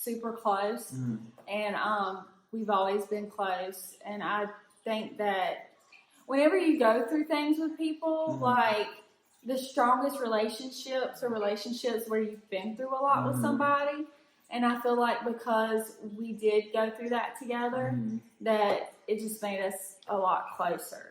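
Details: Adult woman; typical speech.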